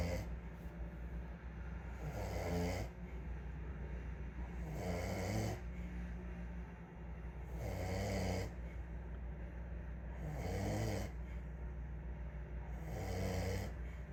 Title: snoring